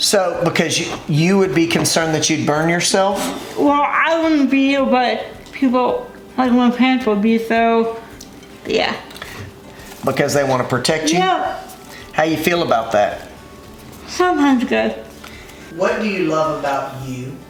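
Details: Dysarthria in a young adult woman with cerebral palsy, a brain injury before birth; she uses a wheelchair, has limited fine motor skills and says she is sometimes hard to understand.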